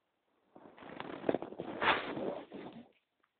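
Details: Bowel sounds (borborygmi).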